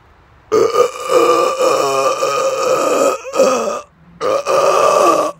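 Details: Adult burping a long, loud, rumbling belch, then a second shorter one after a pause, after eating too much fast food and drinking many carbonated drinks a few days earlier; recorded outdoors in the dark.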